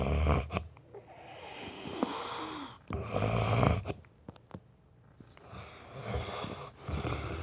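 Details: Man snoring during sleep: loud, rattling snores with snorting on in-breaths, irregular, about 18 a minute; heavy snoring.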